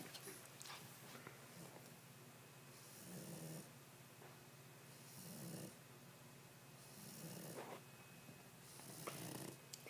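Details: Boston Terrier snoring loudly: soft, rattling snores about one breath every two seconds in a quiet room.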